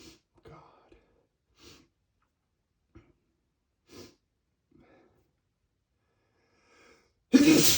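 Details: A male's spray sneeze: soft breathy puffs and short catches of breath, then one sudden explosive wet sneeze that sprays a mirror.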